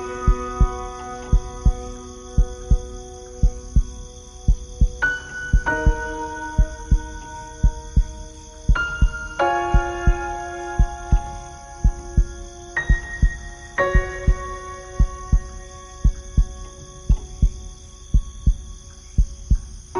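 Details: Heartbeat sound used in piano sleep music: steady low thumps at about 57 a minute under soft piano and synth music; slow regular heartbeat.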